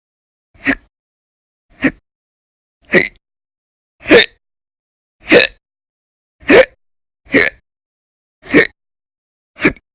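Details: Persistent violent, very loud hiccups: nine short, sharp gulping bursts with silence between, about 50 a minute at a steady pace.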